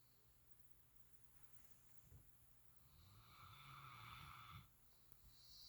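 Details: Pet snoring: quiet room with one longer, rough, rattling breath midway, then a softer snort.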